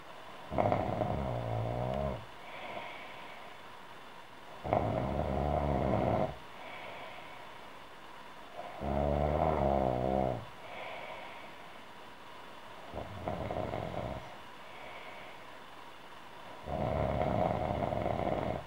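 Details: Adult woman snoring: loud, rattling snores on each breath in, about five in 18 seconds, with quieter breaths out between them.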